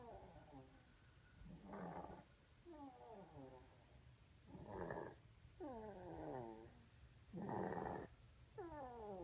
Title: snoring